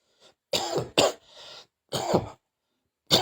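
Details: Four sharp coughs in irregular succession, with a faint breathy sound between them; repeated coughing.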